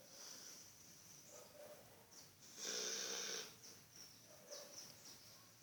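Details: Tayson, a sleeping dog, snoring with quiet hissing breaths and one louder rattling snore in the middle; snoring.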